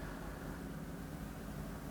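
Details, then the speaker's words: Steady low rushing hiss of an endoscopic microsuction tube in the ear canal as a sheet of peeling skin and soggy wet wax is lifted and drawn out. "so you see the skin then it just falls off the ear canal and I thought let's just grab the bit at the bottom there give it a lift in a wiggle and Watch What Happens here"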